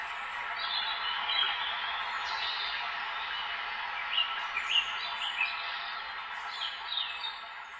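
Thin, tinny birdsong chirps with a hissy, radio-like quality and no low tones, simulating how birds sound through a cochlear implant.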